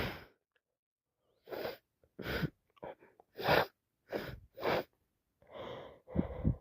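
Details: Wet sneezes on day 4 of a cold: a run of about eight wet, explosive sneezes with short catching breaths between them.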